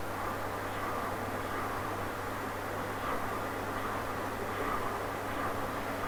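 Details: Doppler ultrasound during evaluation for right subclavian steal: rhythmic whooshing pulses, about 75 a minute, over steady hiss and hum, showing very good flow in the internal carotid artery; normal internal carotid artery Doppler flow signal.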